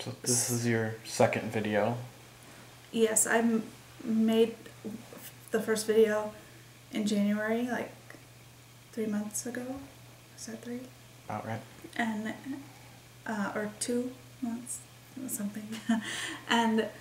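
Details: Woman with expressive aphasia since December 28, 2012, believed caused by a migraine that also triggered a seizure; word-finding difficulty, halting speech with repetitions and fillers; expressive aphasia.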